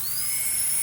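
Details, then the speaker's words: High-pitched steady whine rising slightly in pitch from an air-driven dental handpiece at high speed, about 70 dB, which is louder than an electric handpiece at 52 dB. Air-driven dental drill running. "in comparison is the air driven hand piece which has air allowing it to let the drill work is significantly noisier in 70 DB 70 DB is significantly louder"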